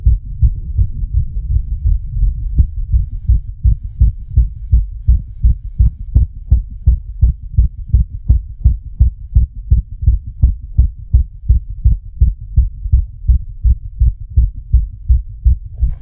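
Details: Fast, regular, pounding heartbeat at about 167 beats a minute, the creator's own heartbeat set to an animation of a racing, panicked heart: tachycardia.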